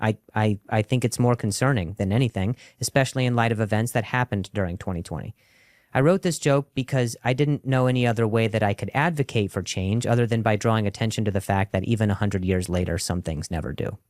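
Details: Adult male comedian who stutters, performing stand-up, with audible word repetitions; he reports stuttering more when he hears noises in his ear while talking; stuttering.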